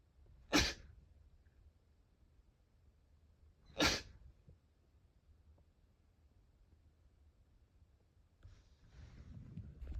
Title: sneeze 115